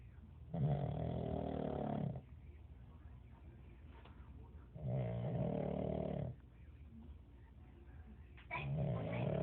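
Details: Pug dog snoring very loudly: loud, low, rattling snores on each in-breath, about 20 a minute, with quiet breathing out between them.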